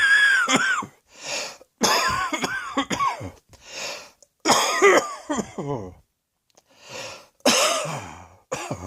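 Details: Acted coughing: repeated harsh coughs and throat clearing in about five short bouts, with brief quiet breaths between.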